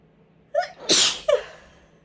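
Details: Single ordinary sneeze deliberately induced with chhinkni sneezing powder: short intake of breath, one sharp hissing sneeze burst, brief exhale.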